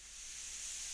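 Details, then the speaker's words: Disabled adult who uses a mechanical ventilator while speaking; steady, soft airy hiss swelling slightly as a breath is delivered: mechanical ventilator airflow sound. "as you can hear the ventilator now, it seems to think that's a word."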